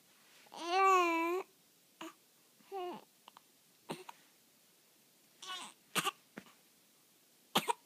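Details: Young child with hiccups, unhappy about them: babbling with brief, abrupt, irregular catches of voice and breath at intervals.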